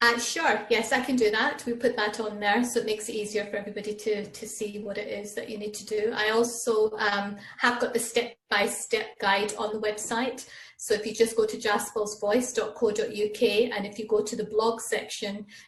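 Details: Adult woman speaking; typical speech.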